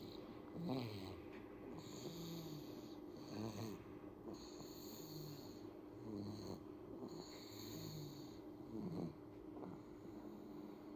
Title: Suara ngorok bayi - Terdengar JELAS (TERNYATA BEGINI)